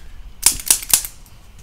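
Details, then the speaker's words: Three sharp, evenly spaced clicks from a spring-loaded chiropractic adjusting instrument applied under the foot of a man whose foot was swollen and painful after a 35-pound weight was dropped on it five years ago; metatarsal and cuboid treated. "and then up from underneath the foot and again i'm going to use an instrument on this"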